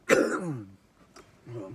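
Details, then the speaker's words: A single harsh cough with throat clearing, then a softer follow-up, from an adult man with asthma coughing after inhaling from a hybrid cannabis vape cart. "I just I'm an asthmatic so that's why I'm coughing to it"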